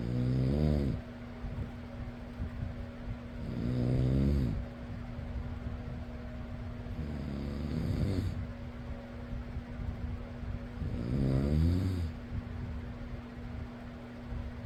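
Slow, rhythmic rattling snores about every four seconds, roughly 15 a minute, over a steady fan hum.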